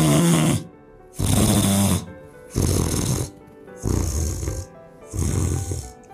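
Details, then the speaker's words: Sleep sound recorded with a smartphone snoring app: five rough snoring breaths, same breathing but low rattling tone changing with head height as airway bends; positional snoring. "It's the same breathing, but depending on the height of the head, In other words, the sound changes depending on how the airway is bent"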